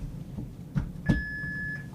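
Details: Philips HeartStart OnSite AED in a training demonstration: two soft thuds, then a steady high electronic tone under a second, the alert after both pads are placed on bare skin, before rhythm analysis.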